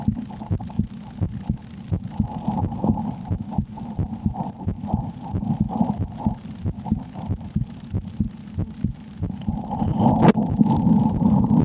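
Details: Fast, steady, low heartbeat thumps through a stethoscope with a background hum and a brief knock near the end, recorded by an ASMR creator during fear while playing the horror game Slender; normal heartbeat, quickened.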